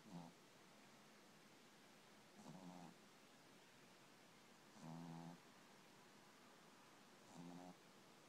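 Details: Soft, regular snoring at about 25 a minute, each a short low buzzing breath over steady room hiss, from a sleeping pet.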